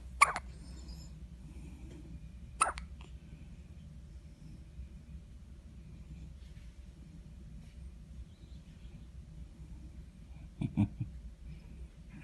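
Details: Newborn baby hiccuping: two soft, abrupt hiccups early, then a small cluster later, with quiet room noise between; hiccups.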